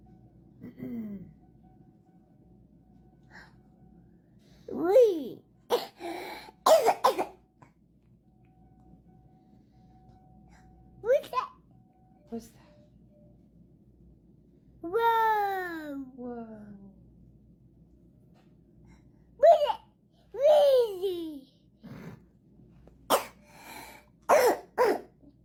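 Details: A toddler girl with croup, which began suddenly within 12 hours, gives repeated harsh coughs with high-pitched voiced whoops and cries between them. The respiratory panel was negative, suspected to be a false negative.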